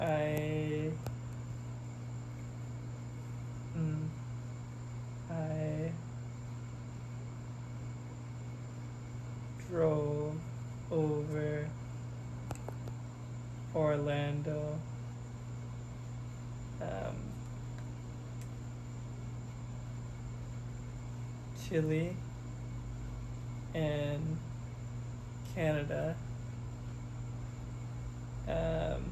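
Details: Expressive aphasia with oral apraxia and right-sided paralysis in a young man after a hemorrhagic stroke at age 27, recorded July 2024, almost two years post-stroke, after intensive speech therapy programs.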